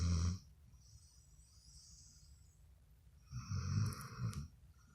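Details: Dogo Argentino dog snoring very loudly while asleep: two loud, low rumbling snores a few seconds apart, with quiet breathing between.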